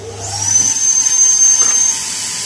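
Loud high-pitched whooshing hiss of a dental suction tip drawing air and fluid.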